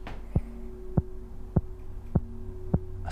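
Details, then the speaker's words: 26-year-old man's mechanical heart valve clicks, audible from a couple of metres away; months after he almost died, having had fevers and chills from bacterial infection of the valve; mechanical heart valve clicks. "now what you can hear isn't a television sound effect it's audible from a couple of meters away the sound and scar are reminders the 26 year old almost died two months"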